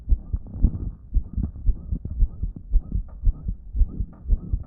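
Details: Fast muffled heartbeat around 115 a minute with continuous whooshing between beats, recorded on a phone from a person with a damaged heart that wasn't pumping effectively; loud blowing heart murmur.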